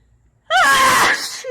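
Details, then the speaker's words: Woman sneezing loudly: a brief voiced wind-up that breaks into a single sharp, forceful burst of air. "out of control I'm sneezing so loudly and makeup is no doubt [ __ ]"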